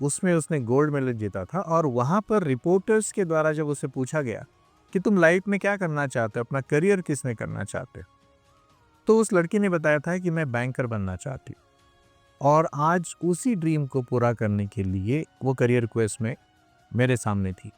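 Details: Adult male speaker; normal speech.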